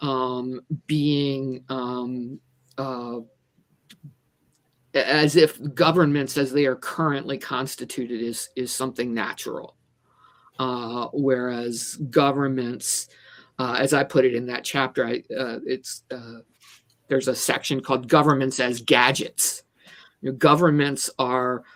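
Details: Stuttering in a woman who says she stutters and considers herself a person with a disability; repetitions such as "the the the" occur.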